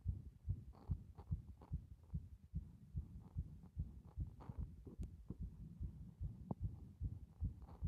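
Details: Heartbeat showing the strength of the heart muscle: regular, strong low thumps at roughly 140 per minute, clear and steady.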